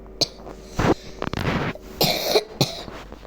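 Several short, dry coughs and throat clearings in a small room; a plain cough.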